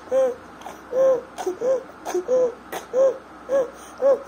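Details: Inspiratory stridor in a 1-year-2-month-old boy with bilateral vocal cord paralysis: rapid, repeated high-pitched crowing breath sounds.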